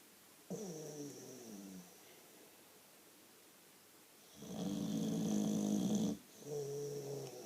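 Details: Boxer dog snoring loudly: loud, droning snores on both inhalation and exhalation with a whistling edge, in a quiet room; snoring.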